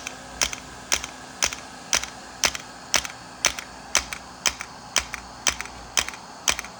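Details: Shockwave therapy at 3 Hz, 90 mJ, 1,000 shocks, for pain at the back of the knee (popliteal area): sharp, evenly spaced clicking pulses about two a second over a quiet background from the device firing.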